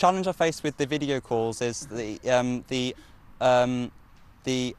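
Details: Stammer (stuttering) in a 16-year-old male teenager, real speech.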